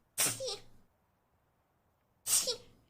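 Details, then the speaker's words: Two sharp, hissing sneezes about two seconds apart, each with a short voiced catch, in a quiet room; sneeze. "yeah sorry guys i'm a little sick right now oh oh"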